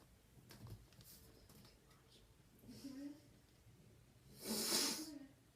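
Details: Animal standing and sneezing: quiet snuffling breaths, then a single sharp, hissing nasal sneeze near the end.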